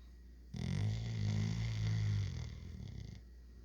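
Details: Sleeping dog snoring: one long, loud, low rumbling snore lasting about two and a half seconds.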